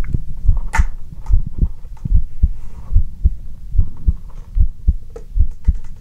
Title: RELAXING ASMR WITH USING A STETHOSCOPE: Heartbeat ASMR | 2022-09-14